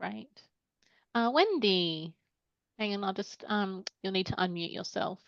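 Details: Adult woman speaking; normal speech.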